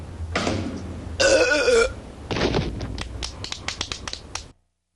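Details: Burping contest in The Simpsons animated series, cartoon children: long drawn-out belches, then a rapid series of short burps; exaggerated burping.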